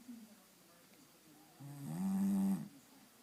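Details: Bulldog snoring while apparently awake: a single loud, low rattling snore with quiet room sound before it.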